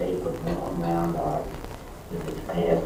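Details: Elderly man with presbylaryngis, bowed vocal cords with elliptical gap from muscular atrophy; compensates with lower gravelly voice over a high-pitched, weak, breathy voice: presbylaryngis (vocal fold bowing)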